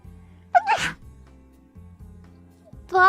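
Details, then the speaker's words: Female VTuber sneezing during a live stream and saying she held back her full sneeze; single loud sneeze, a sharp rising vocal burst then an explosive release, over quiet music: sneeze. "i told you though i was holding back i'm not going to release my full sneeze power that was that was me holding back my sneeze for sneeze well i told you before i don't have cute sneeze"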